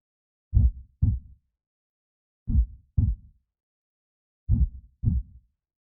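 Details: Simulated creepy heartbeat sound effect: three slow pairs of deep thumps, about 30 a minute, with silence between; not a real recording.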